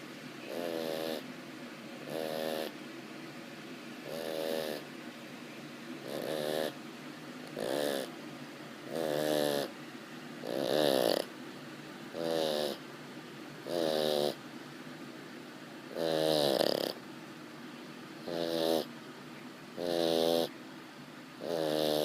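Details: Sleeping pug snoring in steady rattling bursts, about 35 per minute.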